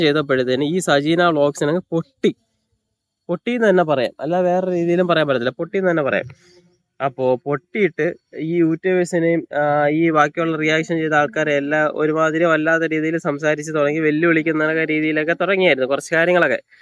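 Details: Adult male speaker; normal speech.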